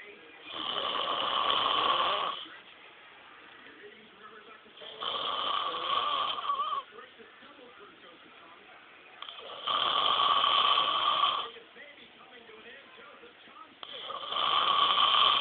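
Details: Adult snoring: loud, rasping snores on each breath in, about 14 per minute, with quieter breathing out between.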